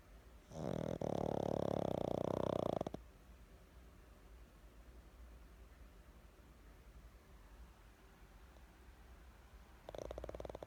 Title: My pug snoring part 2